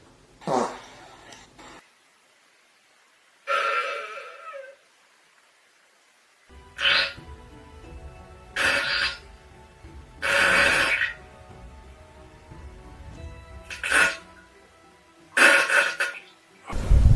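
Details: Series of loud, rough belches with pauses between, some drawn out, against quiet room noise; repeated burping by a person, followed by "excuse me" (caption also mentions farting).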